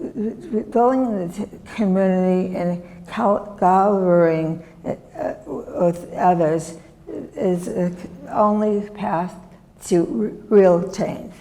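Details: Adult woman, former professor, with non-fluent aphasia from a severe stroke in 2010 that left her right side disabled and took her speech; she relearned making sounds and still cannot speak as before; non-fluent aphasia after stroke.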